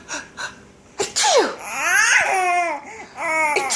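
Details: A few sharp "achoo" sneeze bursts, then a young child's squealing laughter at the sneezes in a small room.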